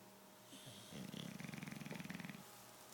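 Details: Bulldog napping, snoring very loudly; one fluttering, rattling snore lasting about a second and a half over a quiet room; snoring.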